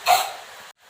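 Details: Effective cough technique demonstration by a nursing student with an adult female patient: after deep breaths, one short, forceful voluntary cough burst.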